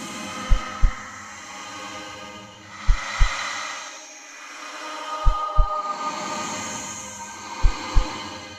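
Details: Heartbeat with background drone.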